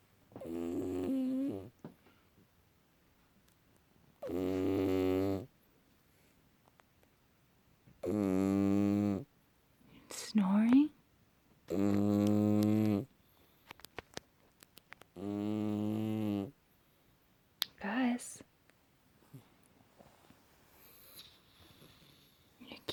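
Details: Sleeping, dreaming cat snoring: loud, regular buzzing snores, about 16 a minute, with quiet pauses between breaths and brief background voices.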